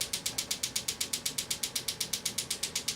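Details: Shockwave therapy device on an adult's Achilles tendonitis at a chiropractic clinic, giving rapid, regular sharp clicking pulses about seven or eight per second, with the intensity turned up a few notches during a treatment session.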